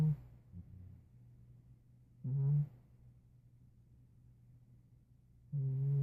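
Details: A nearly 5-year-old former stray cat snores rather loudly: low, rumbling bursts about every three seconds, roughly 18 breaths a minute, with quiet pauses between, in a small quiet room.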